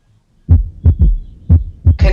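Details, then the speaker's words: Low heartbeat in triplets, two main sounds then a soft early extra thud: third heart sound (S3 gallop), cardiac auscultation teaching example. "el cuarto vídeo se escucha más o menos así tienes el tercer ruido"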